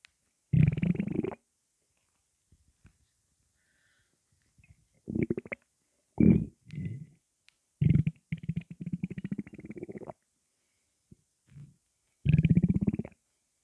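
Irregular low gurgling and rumbling bursts separated by quiet gaps: active bowel sounds after drinking cola, a normal finding.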